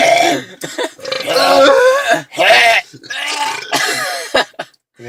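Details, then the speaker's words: Men deliberately burping inside a car: long, loud voiced burps in a row, some strained and gagging-like, while laughing and saying they feel about to vomit. "I'm trying to burp but you guys are making me laugh I think I'm going to puke"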